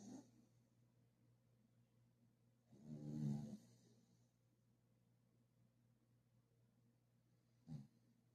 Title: Does your fur baby snore 😴😴